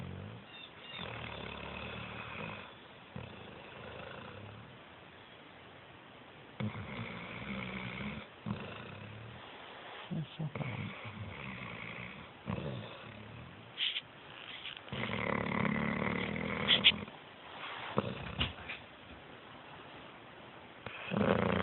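Irregular rough, rattling breathing noises during sleep with louder snorting bursts; snoring.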